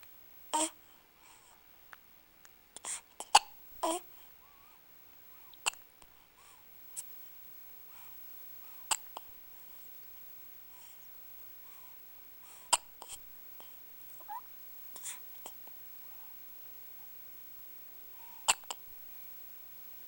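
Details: Run of hiccups: about a dozen short, sharp, irregularly spaced gulping clicks over twenty seconds, with faint soft vocal sounds between.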